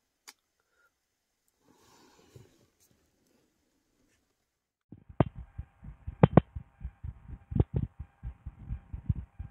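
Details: Adult woman's own heart heard through a stethoscope, steady low thumps after a few quiet seconds of faint rustling, normal regular rhythm: normal heart sounds.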